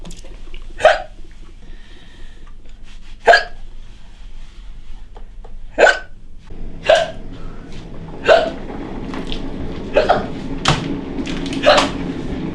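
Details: A 46-year-old woman doing housework has repeated sharp, abrupt hiccups about every two seconds, around eight in twelve seconds, over household noise. These are persistent hiccups from a condition lasting over a decade.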